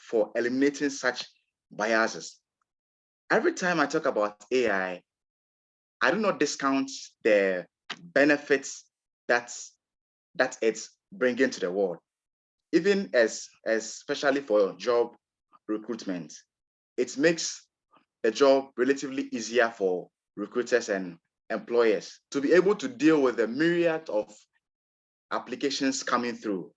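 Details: Real recording of an adult man from Ghana who describes himself as a person who stammers; stuttering.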